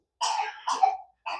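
An adult gives two quick throat-clearing coughs, with the start of a third cut off at the end.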